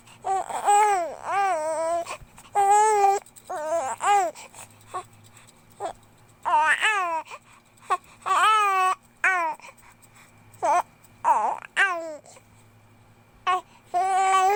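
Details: A 2-month-old infant gives short, repeated bursts of high-pitched crying and fussing with quiet pauses between them.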